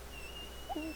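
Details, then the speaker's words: Homemade heart rate monitor (infrared emitter and phototransistor clipped on a finger): a low electronic tone beeps with each pulse near the end over a faint steady whine; device described as not yet stable. "o bip também como eu falei conforme o sangue é bombeado um sinal de luz é interrompido e a gente tem a pulsação"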